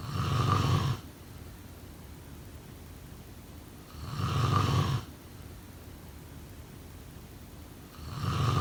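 Regular rumbling snores about every four seconds, roughly 15 breaths a minute, with quiet pauses between them: steady snoring during sleep.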